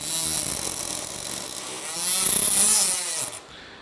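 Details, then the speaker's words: Oscillating saw giving a high buzzing whine that rises in pitch and loudness, then stops, cutting the lateral side of the PCL box osteotomy on a Sawbones femur model during simulated total knee replacement teaching. "انا كده هشيل بعد كده البوكس بتاع البي سي ال، هنمشي على بالمنشار بتاعنا على حدود، طبعا ما احدفش شمال ولا يمين جامد علشان ما اكلش في العظم ولا نطش العظم."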